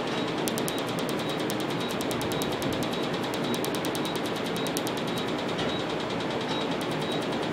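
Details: Laser tattoo removal device in operation: a rapid, steady train of sharp snapping clicks over a constant hiss as the laser fires pulses.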